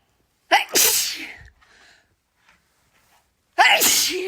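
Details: A girl sneezes: a sharp indrawn breath and a loud burst of air, then a second ordinary sneeze, from a sneezing compilation.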